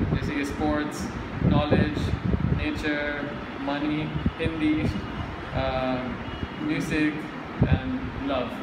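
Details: Adult male speaker; stuttering.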